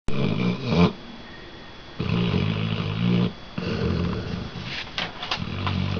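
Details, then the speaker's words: Red-nose pitbull/American bulldog snoring when tired: loud, deep, rattling snores in repeated long breaths that sound almost human. "He snores loud."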